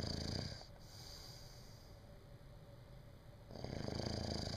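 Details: Low vibrating snores on the in-breath, separated by quiet pauses of about three seconds, from a sleeping person; snoring.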